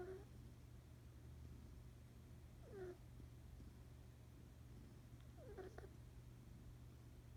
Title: Snoring kitten